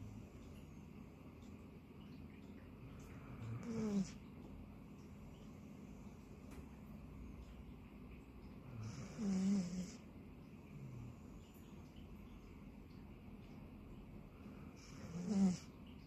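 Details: Labradoodle dog in deep sleep: three snorting snores spaced about five to six seconds apart, with quiet room noise between.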